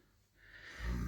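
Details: Snoring from a sleeping man despite anti-snoring treatment with mouth taping and a chin strap: a quiet pause, then a rising, low, rumbling snort as a single loud snore builds, in a small room.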